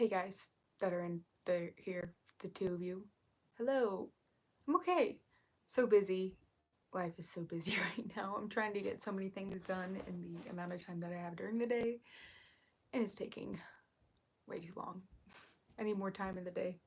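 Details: Woman with self-reported vocal fry, which she says is currently really bad and attributes to speaking quietly; vocal fry.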